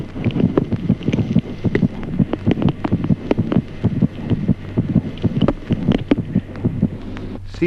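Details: Fetal heart sounds with maternal pulse.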